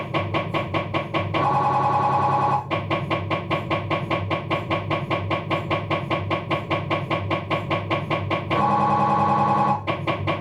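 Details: Loud fast regular knocking about 150 per minute broken by two sustained buzzing tones from a Philips 1.5T MRI scanner during an abdominal scan, diffusion sequence (DIF ax NAV); MRI scanner noise.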